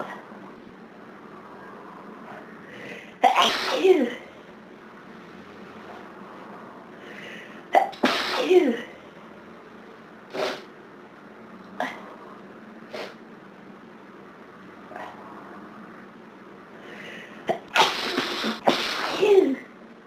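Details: Repeated sneezing on a severe hay fever day in summer: several loud sneezes with sniffs in between, against steady background hum.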